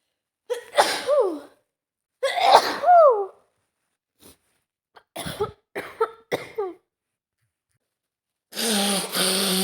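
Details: Simulated role-play: a woman acting a roommate with a nasty cold performs a fit of about five loud, desperate sneezes with sharp intakes of breath, ending in a tired groan; sneezing.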